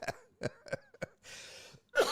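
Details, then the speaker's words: Adult man's run of short, harsh coughs and a throat clear in a small room; he says he sounds like he has a smoker's cough. "I sound like I got a smoker's cough."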